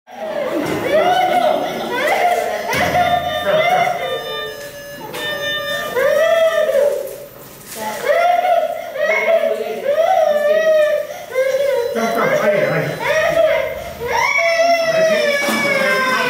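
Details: Scared little boy crying loudly in repeated wailing bursts before anaesthesia, adult voices and room noise around.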